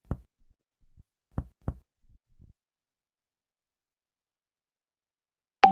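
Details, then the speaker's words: Percussion over the liver after resonant lung: several short, soft, flat taps with little ring, then a sharp click, giving hepatic dullness. "Seguimos percutiendo y encontramos la matidez hepática."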